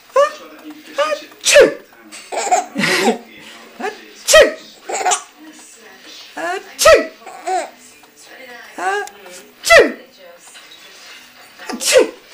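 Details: Grandfather giving several sharp sneezes, each followed by bursts of laughter from his baby grandson.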